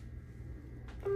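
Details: Digital thermometer beep during head-to-toe newborn assessment, temperature taken (normal 36.5–37.5 °C).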